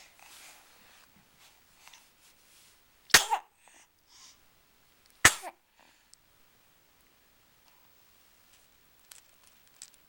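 Two sharp, explosive bursts a couple of seconds apart in a quiet room, each with a brief trailing sound; sneezes.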